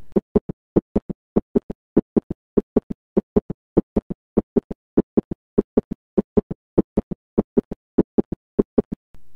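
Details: Heart sound teaching recording: extra third sound after S2 producing a ventricular gallop, compared against S4 and summation gallops; S3 (ventricular) gallop.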